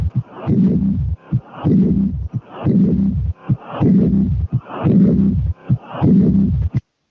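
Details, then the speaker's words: Regular heartbeat near 55 a minute, each beat carrying a long, loud rumbling whoosh filling most of the cycle: a mitral regurgitation murmur, a sample from a heart-sound classification dataset. "This is mitral stenosis. This is mitral regurgitation."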